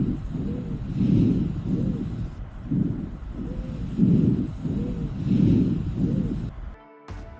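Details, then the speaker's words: Monophonic wheeze: breath sounds with a single steady musical tone on each breath, lower in pitch than other adventitious sounds, from a narrowed larger airway. Heard over the anterior, posterior and lateral chest walls, and louder over partially obstructed areas. "s lower in pitch compared to other adventitious breath sounds the single tone suggests the narrowing of a larger airway these sounds are heard over the anterior posterior and lateral chest walls"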